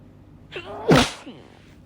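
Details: Induced sneeze from a female: a rising voiced intake of breath, then one sharp explosive burst and a brief vocal tail.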